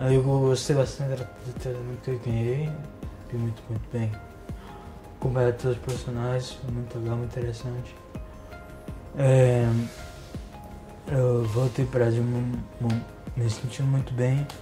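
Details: Ataxic dysarthria in a 35-year-old man with genetic, progressive spinocerebellar ataxia type 3 (Machado-Joseph disease), symptomatic since 2013, with great difficulty speaking plus coordination and balance problems; he has received stem cell treatment.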